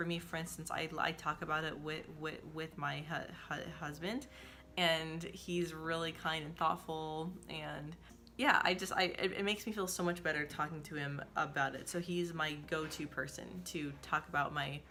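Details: Adult woman who says she stutters and makes stuttering support videos; stuttering with audible word and part-word repetitions.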